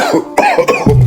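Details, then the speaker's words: Brief acted cough of a few bursts with a slight throat-clearing quality, from an adult in a comedy skit set in 1893; cough. "When people cough in 1893."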